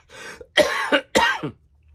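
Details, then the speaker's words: Two harsh, forceful coughs after a brief throat sound, from an adult still recovering from COVID-19. "you've heard the geek cough you've seen some radical science fiction awesomeness all representing Ireland"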